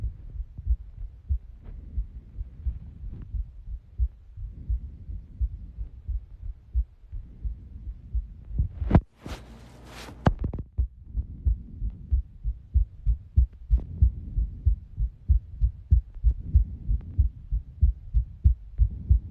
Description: this is far by the most clear “lub-dub” sound of my heart i have ever recorded.